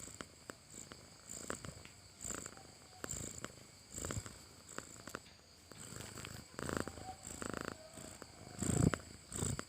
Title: Sound of snoring cat😂